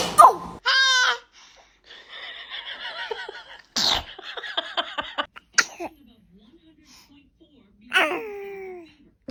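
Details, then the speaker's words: Baby sneezing repeatedly: several short, abrupt sneeze bursts, with an adult's voice and laughter in a small room. "Oh, goodness. Were you about to sneeze? Whoa! Whoa!"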